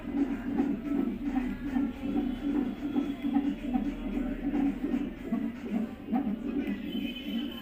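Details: Fetal heartbeat of a baby girl via Doppler probe: rapid, rhythmic whooshing pulses at roughly 150 beats a minute.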